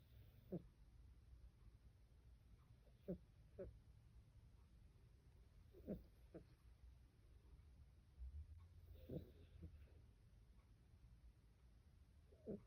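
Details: Cat asleep after dinner: soft, regular breathing with faint snorting catches about every three seconds, roughly 20 breaths a minute; quiet snoring.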